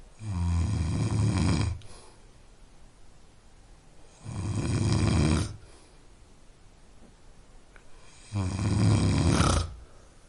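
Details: Adult man snoring, sound effect.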